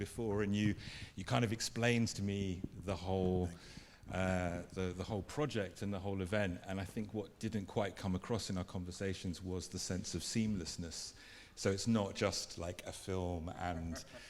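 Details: Adult man speaking; Normal conversational speech.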